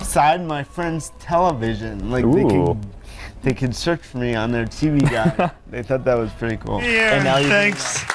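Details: Adult man born with cerebral palsy, who says he sounds a little different because of it; dysarthria (cerebral palsy).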